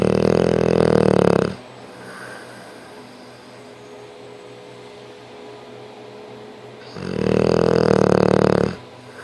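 Two loud, buzzing, vibrating snores with a long quiet pause between them; snoring.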